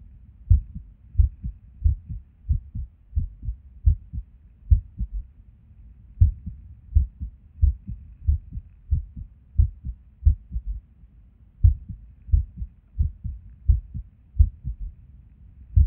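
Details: Resting heartbeat recorded at Erb's point while sitting at a desk, described as skippy lately: low heartbeat about 90 a minute with uneven spacing and occasional longer pauses, irregular rhythm with skipped beats.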